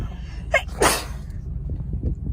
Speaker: I have a sneeze bless you excuse me